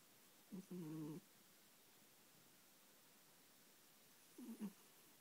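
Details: Two brief, low, buzzing snort-like sounds from an awake, smug and contented cat against a quiet room background; snoring-like snort in an awake cat.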